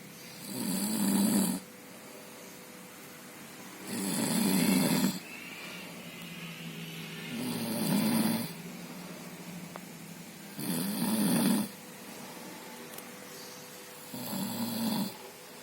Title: Suara ngorok terdengar jelas